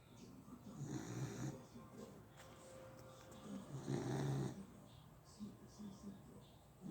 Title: Baby girl snoring